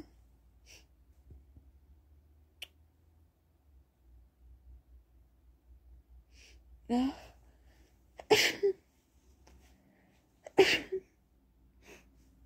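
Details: Person who says they have a cold, possibly the flu, and feels horrible. A quiet room with soft breathing, then two sharp sneezes a couple of seconds apart, each with a quick intake of breath before it.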